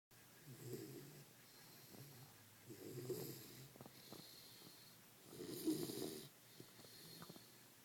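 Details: Sleeping dog snoring loudly: three rough, rattling snores at about 24 breaths a minute, quieter breathing and faint room noise between; snoring.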